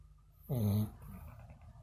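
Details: Sleeping dog: one loud, low, rattling snore, with quiet room noise around it: snoring.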